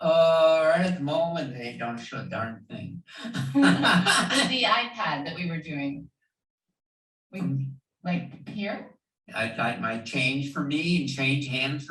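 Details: Man with Wernicke's (fluent) aphasia; motor production of language intact but word comprehension impaired, talking a lot with speech that makes less sense the more one listens.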